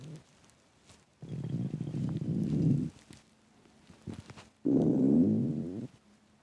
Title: Loud intense empty stomach growling